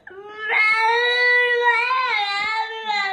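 Sustained, clear-toned wailing cry from a baby with slight rises and falls in pitch, indoors; ordinary infant crying.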